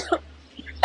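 An adult's brief, acted cough: a short burst, a quiet pause, then a second burst starting.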